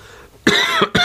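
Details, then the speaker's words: Two short, rough coughs from an adult man who says he is battling bronchitis and some laryngitis, with a hoarse voice. "you have to excuse my voice today I'm still battling my bronchitis and um some laryngitis as well"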